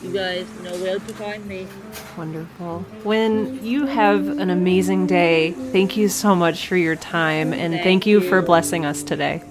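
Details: Adult speaker; ordinary speech.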